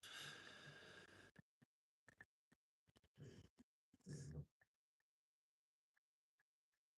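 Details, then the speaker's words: Pet dog fast asleep on owner's feet makes noisy, rumbling breaths with snorts and small clicks; ordinary dog snoring. "He's asleep. He's fast asleep on my feet snoring."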